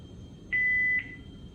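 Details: Philips HeartStart defibrillator during training demonstration of operational check and charge/shock sequence: a single steady electronic beep about half a second long, low room noise.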